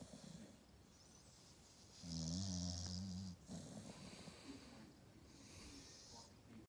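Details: American Staffordshire Terrier dog snoring: one low, rumbling, buzzing snore on an in-breath, followed by quieter breathing.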